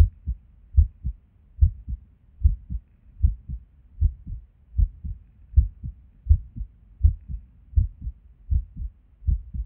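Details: Irregular resting heartbeat with skipped beats, recorded at Erb's point while sitting at a desk; low thumps near 75 a minute with uneven spacing and occasional pauses. The skipping occurs with and without apparent reason.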